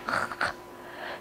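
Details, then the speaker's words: Bubbling breath sounds imitated by an adult pediatric airway surgeon: a brief gurgling, bubbling noise, illustrating how children present when secretions enter the windpipe instead of the food pipe. "sometimes when these secretions go into the windpipe instead of the food pipe they'll present with bubbling sounds like this"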